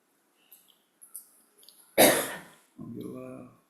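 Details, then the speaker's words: Single harsh cough from an adult who has a cold, followed by a brief voiced throat sound, during a spoken class. "Yeah, like for example, I have a cold now. You can hear me cough."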